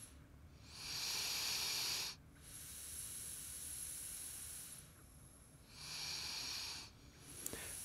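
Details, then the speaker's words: Patient exhaling through a PEP device: two long, steady hissing exhalations against resistance with quieter inhalations between. "Let the patient take at least 10 breath in a row. You may use the manometer when trying out the resistance. After a few breaths the expiratory pressure should stay between 10 and 20 cmH2O."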